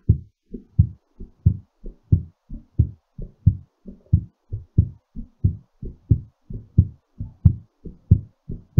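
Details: Steady, paired low heart sounds at about 90 beats a minute, slightly fast during recovery; normal heartbeat after exercise.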